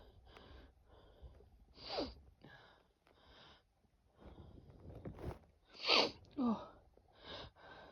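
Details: Breathy build-up with gasping breaths, then a loud sneeze and a smaller second one after not having sneezed for a while; more sneezes seem to follow.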